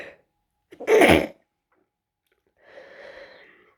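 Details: Stifled sneeze from a person with a bad head cold and a congested voice, kept quiet because others are in the house: a short muffled burst with a faint breath before and after.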